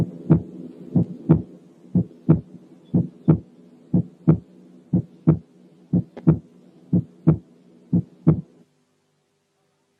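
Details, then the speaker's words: Accentuated second heart sound, given as a teaching test example: regular heart sounds at about 60 a minute, each beat with a loud, sharp, ringing second sound much more intense than the first. "طبعا السكند ساوند is accentuated."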